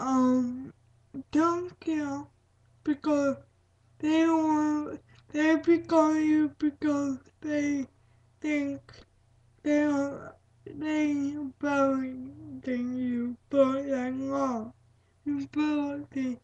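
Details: Female speaker with cerebral palsy; dysarthric speech in cerebral palsy.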